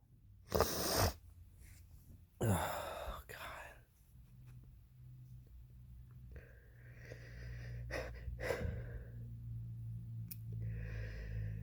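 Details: Male sick with a cold (his third cold this year) sneezing twice, each with a sharp in-breath and explosive burst, followed by quieter sniffing breaths over a low background hum.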